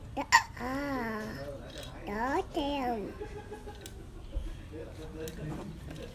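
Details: Coca keeps singing through hiccups: one sharp, abrupt hiccup near the start, then a sliding sung or warbled tone that continues despite it.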